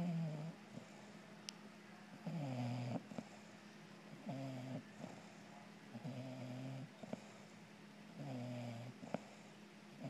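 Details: Robin, a female bulldog cuddling with her owner, snoring with rhythmic low rattling snores on each breath, about five in ten seconds, over a steady background hum; snoring.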